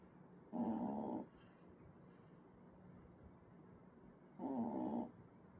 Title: 아저씨 코골이 소리 내는 아기강아지 ㅋ